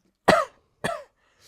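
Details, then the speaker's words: Two short, harsh cough bursts from an adult after smoking cannabis during a podcast. "All the cough. Yeah. So, all that will be us smoking in the middle of the pod."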